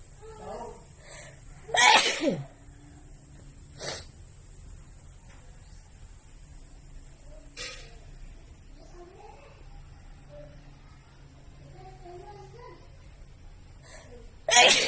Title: Wide Nose Sneezes Philippines.